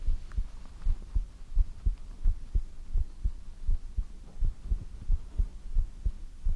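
Steady, deep double thumps at roughly 85 beats a minute with a faint hum underneath: a regular heartbeat.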